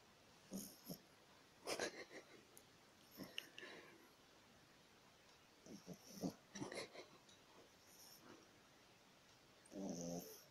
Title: is snoring